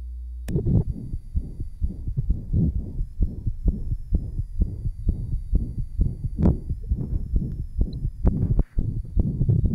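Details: 1955 Johns Hopkins heart sound laboratory recording of interventricular septal defect, possible persistent ductus arteriosus: heartbeat about 65 per minute with a rough murmur filling systole, recorded alongside EKG and respiration.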